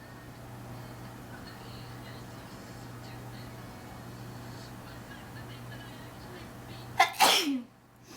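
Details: Induced sneeze: one sharp, explosive sneeze after a quiet stretch of steady room hum.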